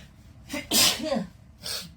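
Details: Girl during a COVID-19 nasal swab test: quick in-breath, then one sharp, hissing sneeze and a brief sniff; swab-induced sneeze.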